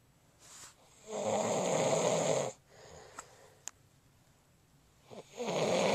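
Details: Adult man snoring during sleep, recorded by his wife: loud, harsh snoring breaths with quiet pauses and brief clicks between them.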